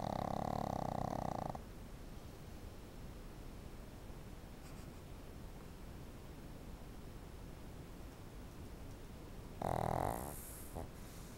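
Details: Dog snoring hard: two loud, harsh snores about eight seconds apart over steady background hiss.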